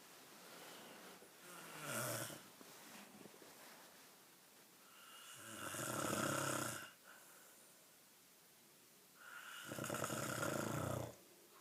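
Three loud rattling snores on breathing in, roughly every four seconds in a quiet room, about 15 breaths a minute: ordinary snoring.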